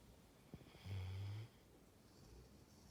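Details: Snoring in a sleeping dog: a single low, rumbling snore of about half a second in a quiet room.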